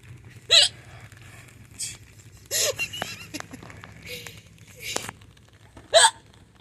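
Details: Hiccups recorded outdoors at a pool in early July: sharp, abrupt gulping hiccups, about four in six seconds, with faint laughter and distant fireworks in the background.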